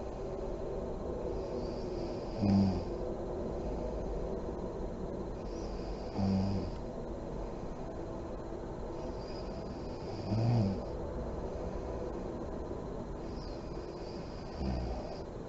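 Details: A mother snoring in deep REM sleep with the lights on: slow deep breathing with a soft snort or lip-blowing puff about every four seconds, roughly 15 breaths per minute.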